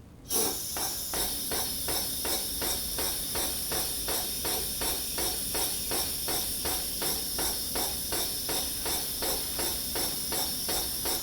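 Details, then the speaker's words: Intrapulmonary percussive ventilation for airway clearance in a cystic fibrosis patient sitting upright, third cycle at 12 o'clock setting, 200 Hz for five minutes: steady nebulizer hiss with rapid rhythmic percussive pulses. "for her third cycle we go all the way up to the 12 o'clock position [Music] and that's 200 hertz for five minutes"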